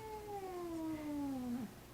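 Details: Hospital cat positioned on a veterinary digital X-ray table for ventrodorsal radiograph, restrained with sandbags: a single drawn-out, falling yowl, a stressed or protesting vocalization during handling.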